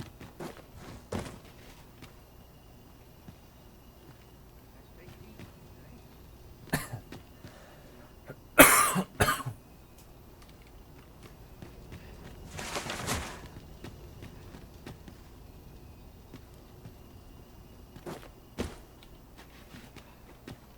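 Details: Adult recording gameplay gives a few short, dry coughs, the loudest a quick double burst, over quiet background sound; dry cough.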